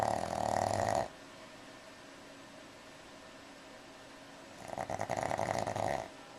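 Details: Pug asleep, recorded on a Flip Video camcorder: two loud, rattling, fluttering inhaled snores separated by a quiet pause; snoring.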